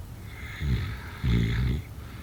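Two low, rough, rattling snores, each about half a second long, separated by quiet breathing.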